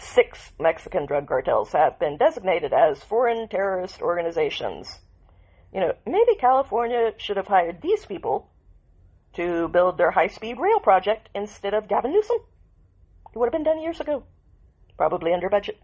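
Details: Adult woman speaking; Normal speech.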